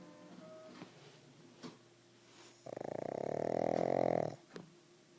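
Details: A pug wearing a cone after a major operation gives one long, loud, buzzing snore lasting nearly two seconds, rattling like a fluttering soft palate, between quieter breaths; snoring in a flat-faced dog.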